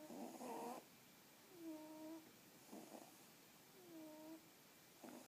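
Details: Pixiebob cats snoring while asleep: soft noisy breaths alternating with faint whistling nasal tones, about three breaths in five seconds.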